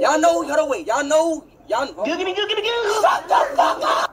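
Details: Speaker; stuttering.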